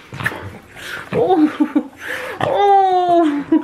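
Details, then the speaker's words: Excited dog greeting its owner home after weeks away: huffing breaths, then a long, high, whistling squeal, a noisy wheezing sound. "i don't know if you can hear her wheezing there the whistle weasel"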